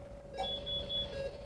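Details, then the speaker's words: Automatic non-invasive blood pressure cuff inflating on a Sim-Man nursing simulator (simulated, not a real patient), started from the NBP menu: a steady mechanical whine with a pulsing higher tone, like a Dinamap. "then you can hear the cuff blow up you don't actually see it blow up but it sounds like a blood pressure cuff blowing up like on a dynamap"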